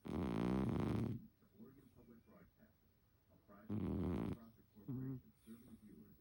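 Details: Cat snoring while dreaming in sleep; snoring.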